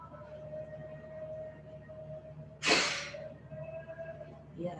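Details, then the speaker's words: Single short, hard, fast blast of breath through a peak flow meter mouthpiece by a seated adult, after zeroing and a deep breath, over steady room hum; demonstration of correct forced-expiration technique. "then the patient is then asked to blow hard and fast in a single blow"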